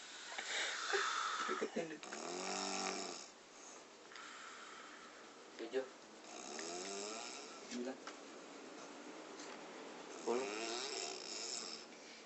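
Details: Sleeping person snoring: loud, rough, buzzing breaths recurring, some with a whistling edge; snoring.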